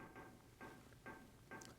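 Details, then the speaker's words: Ear canal recording of four click presentations, each click followed by its response, with a faint echo-like ring and a slight steady tone: click-evoked otoacoustic emission. "There's 5 presentations, the click and then the response, the click and then the response."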